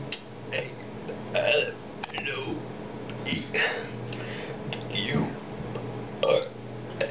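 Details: A man deliberately burp-talking a sung alphabet: rough belched voice stretched over the letters with several loud burp bursts; voluntary burping.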